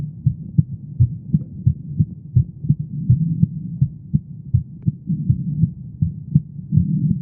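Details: Normal heartbeat of a female: steady, regular, low lub-dub thumps at about 82 beats a minute over a soft low hum.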